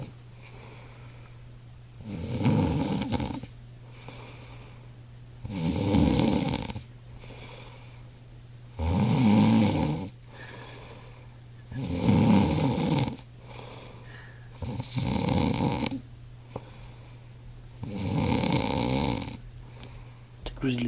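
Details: Loud, rattling snores from a sleeping male in a steady rhythm, about six in twenty seconds (roughly 18 breaths a minute), likened to a grizzly bear in hibernation; heavy snoring.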